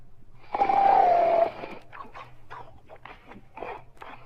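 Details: Sleeper snoring: a single loud, drawn-out snore followed by short snuffling breaths.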